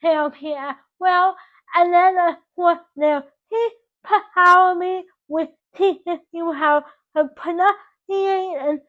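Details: Dysarthric speech in a 24-year-old woman with cerebral palsy from oxygen loss to the brain at birth; doctors had predicted she would never talk.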